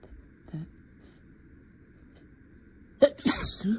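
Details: Adult lawyer role-play in a simulated courtroom argument: quiet room, then a sudden stifled, held-back sneeze with short catches, acted while trying to stay professional and stuffy; sneeze.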